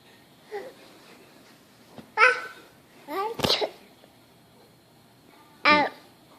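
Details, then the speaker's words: Young child's fake, imitated sneezes on request: several short, forceful 'choo' bursts, not real sneezing. "Show me how you sneeze."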